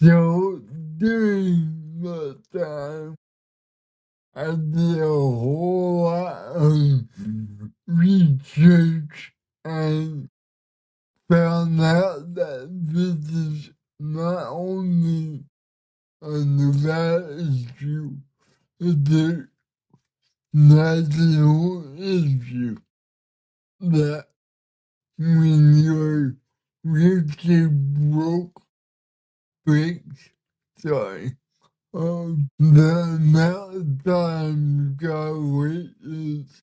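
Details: Man with cerebral palsy whose body resists him, making communication hard at times; listeners need patience and focus to understand him; dysarthria (cerebral palsy).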